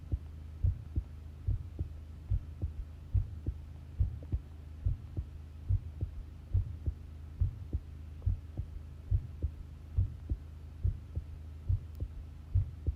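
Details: Long heart sound recording of a pounding heartbeat: steady, regular paired thumps at about 70 beats per minute over a low hum; normal heart sounds.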